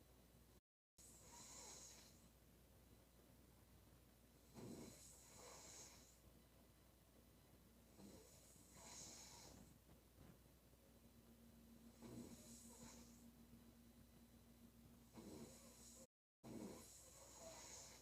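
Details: Female sleeper snoring: regular breathy, rattling snores about every 3.5 seconds, roughly 17 breaths a minute, over a faint steady room hum.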